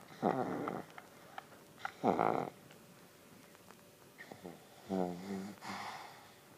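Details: Irregular rough, fluttering snorts on the in-breaths with quiet pauses between; snoring during sleep.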